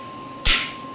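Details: A single sharp crack of an electromagnetic radial shockwave therapy (ESWT) applicator firing one pulse against a steady background tone, demonstrated on the operator's own joint.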